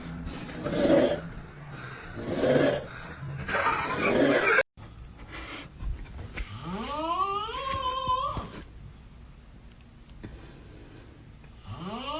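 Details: Loud, rough rasping snores in quick succession, then a cut to a rising, whining tonal sound.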